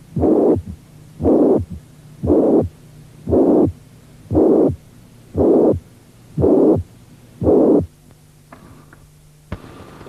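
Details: Mitral regurgitation systolic murmur with third heart sound.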